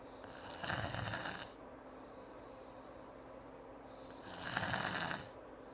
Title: Typical Example of His Sleep and Snoring Video 1